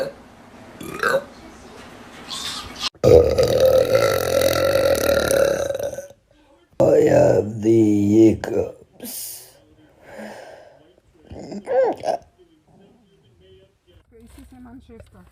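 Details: Several long, loud, rumbling burps from a girl, some drawn out for seconds, separated by short pauses and brief talk; burping compilation.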